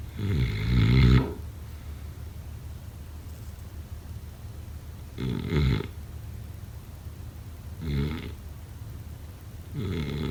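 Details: Loud rattling snores on the in-breath, about 13 a minute, with quiet breathing between, during sleep: snoring.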